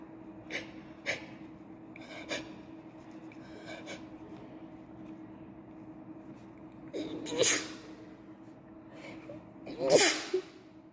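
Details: Sneeze attack from someone who can't stop sneezing: soft sniffs and quick intakes of breath, then two louder sneeze bursts over quiet room noise.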